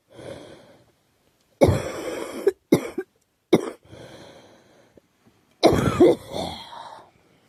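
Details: Girl who thinks she is getting a cold, with a scratchy, sore throat: several harsh, dry coughs separated by short breaths, with a throat-clearing quality; cough with a common cold.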